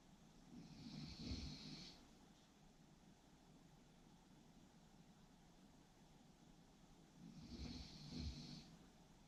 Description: 코골이 소리 듣다 보면 졸리는